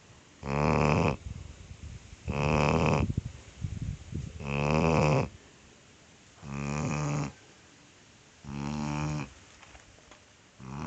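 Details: 5-month-old chocolate Labrador puppy asleep; loud, rattling snores with each breath, about 30 a minute, with quiet pauses between; steady snoring.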